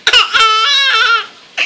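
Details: Infant aged 5 months 21 days, startled by father's cough: short, high-pitched wailing cry with a clear tone bending up and down; brief ordinary infant cry.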